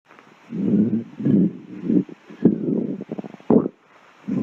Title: stomach growling compilation